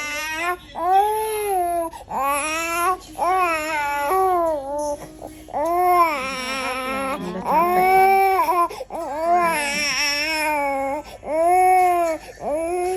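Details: Infant with cough and cold crying during a massage, in repeated rhythmic wails with short gasping pauses: infant crying.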